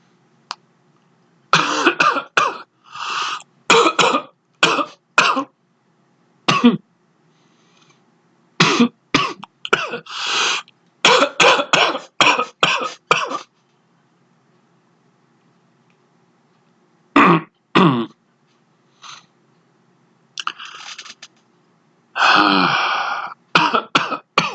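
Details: Bouts of short, harsh, dry coughs with no loose phlegm, at the start of a cough from a cold; a squeaky chair may be audible in the background.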